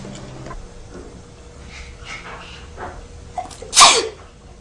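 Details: Young blonde woman acting a sneeze for an allergy commercial audition: quiet room noise, then one loud, sharp sneeze burst near the end.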